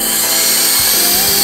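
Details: Slow-speed dental polishing handpiece (bubble gum flavored prophy paste) during a child's six-month dental cleaning: loud, steady whirring motor whine.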